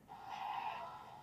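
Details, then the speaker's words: Expiratory wheeze in a pediatric acute respiratory failure case, with intercostal and substernal retractions: a brief, high whistling sound at the end of a breath, like a small cat's meow. "Ó o som do cibilo expiratório, bem importante."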